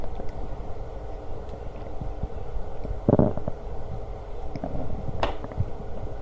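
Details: Stomach growling while eating lunch: low rumbling gurgles with a couple of louder bursts; ordinary borborygmi.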